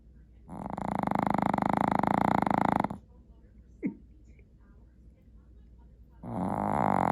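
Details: Teddy, a sleeping dog: long, loud, rattling snores of over two seconds, separated by a quiet pause with a brief snort; heavy snoring.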